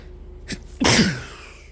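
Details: A quick, sharp intake of breath, then a forceful, explosive sneeze.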